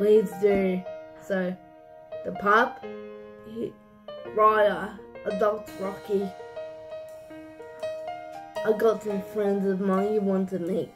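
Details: Person with cerebral palsy narrating; dysarthric speech (cerebral palsy).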